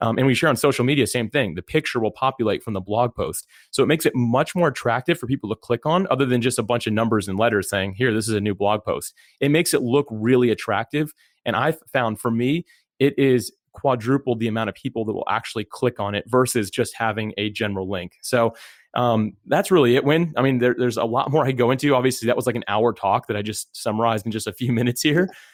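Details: Adult male speaker; normal speech.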